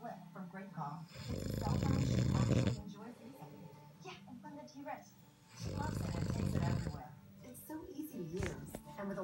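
Two long, loud rumbling snores with quieter breathing between them, amid faint room noise: snoring.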